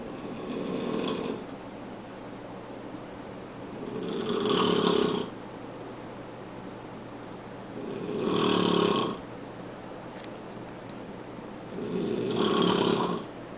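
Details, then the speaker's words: Adult man snoring upstairs in a bedroom, heard from the kitchen downstairs: loud rumbling snores about every four seconds, roughly 15 breaths a minute, in a quiet room. "see I am downstairs in my kitchen I can hear my husband snoring all the way upstairs in the bedroom and he wants to know why I can't sleep at night"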